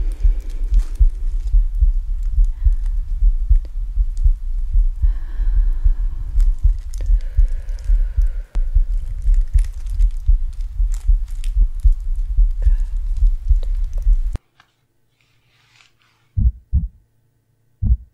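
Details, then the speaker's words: Steady low thumping heartbeat through a stethoscope at roughly 76 beats a minute, described as strong and fine, in an ASMR heartbeat scene; normal heartbeat. "Yeah, I think your heart rate's fine."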